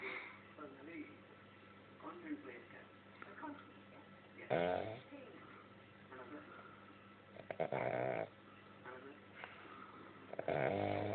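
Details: Sleeping dog: irregular rough snoring noises, several loud snorts among quieter breaths, with faint background talk; snoring.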